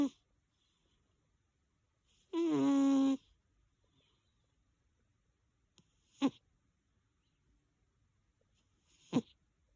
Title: 💤 🐱 SNORING BOODA🐱💤 #cat #snoring #snoringasmr #boodagthatzmi #hahahaha